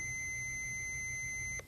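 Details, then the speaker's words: AED in a virtual CPR and AED training demonstration, switched on: a steady, high electronic power-on tone that cuts off before the device's spoken prompts begin. "the good thing about these things are is they talk you through the whole thing what they do is you turn it on it's going to tell you what to do next"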